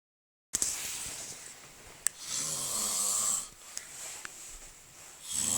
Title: Snoring out loud